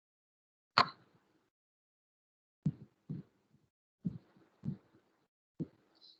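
Soft paired low thumps after a sharp click: normal first and second heart sounds through a stethoscope.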